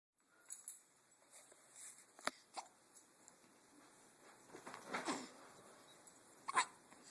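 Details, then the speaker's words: Hiccups in a female with a pacifier: a few faint, sharp little hiccup sounds at irregular intervals in a quiet room. "Her hiccups are so cute. I know, her hiccups are the cutest."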